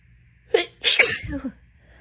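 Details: A short catch of breath, then a forceful, wet, spraying sneeze burst with a brief trailing exhale; a deliberately induced sneeze during intense nasal itching.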